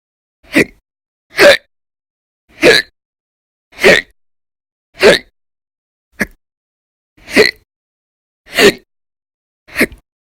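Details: Persistent violent, very loud hiccups, an episode lasting roughly 10–13 hours a day in December 2019: sharp abrupt gulping bursts at steady intervals, about 50 a minute, with silence between.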